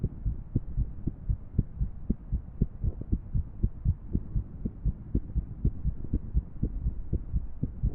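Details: Female irregular heartbeat, paired with a 3D heart model: dull, low thumping beats recurring with uneven gaps between them.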